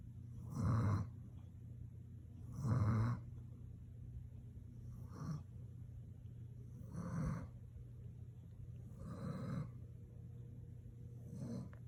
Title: Snoring Again